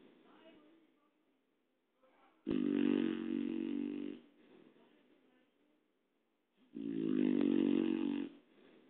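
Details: Two loud, rattling snores about four seconds apart with quiet breathing between; Charlie snoring.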